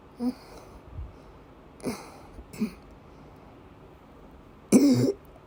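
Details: Several single coughs over a few seconds ending with one louder, longer cough from a female during persistent asthma attacks with migraine-cluster headache complex, with coughing and vomiting; recorded 7 Feb 2024.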